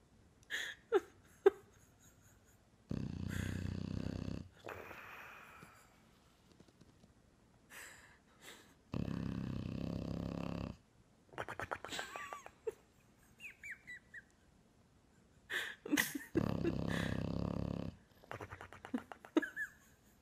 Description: This bulldog makes really funny noises when snoring.